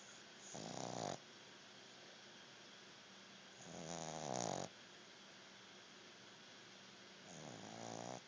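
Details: Rough snoring on each breath, about 18 breaths a minute, over steady background hiss; snoring during sleep.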